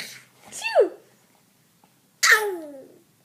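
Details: A child sneezing: two short, sharp sneezes about a second and a half apart, each a quick burst of air with a brief voiced sound.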